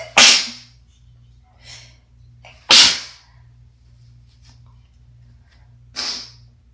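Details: A person who is sick in winter and has asthma: three forceful, harsh, congested sneezes with faint sniffs between them over a steady room hum.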